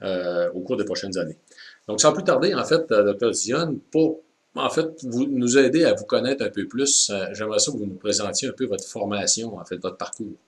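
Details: Adult man speaking French; normal speech.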